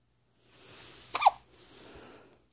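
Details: Soft breathing broken by one sudden, short, gulping catch of breath; a single hiccup.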